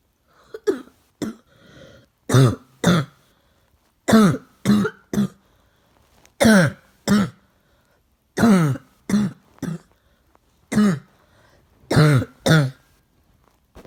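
Repeated coughs, mostly in pairs, about fifteen over fourteen seconds, harsh and throaty in a quiet room.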